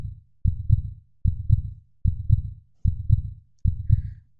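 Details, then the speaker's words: Normal heart sounds: a regular low lub-dub at about 75 beats a minute; lub from closing atrioventricular valves. "sound of the heartbeat comes from the opening and closing of the heart valves the heartbeat begins with the lub sound made by the closing of the atrioventricular valves that are shown here in the animation"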